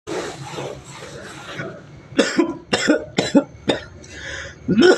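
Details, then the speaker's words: Adult performing a rapid run of about five or six short, forced coughs after a breathy, noisy start, a playful coughing performance while complaining of the cold. "Ais so dingin batuk kita ini. Tidak ada kehangatan dalam hidup. Jadi batuk-batuk diriku pengin makan bara api saya biar hangat-hangat."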